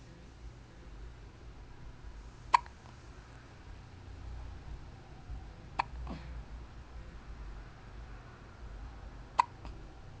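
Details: Three sharp, abrupt hiccups roughly every three and a half seconds in a quiet room, recorded on a Flip Video camcorder; hiccups.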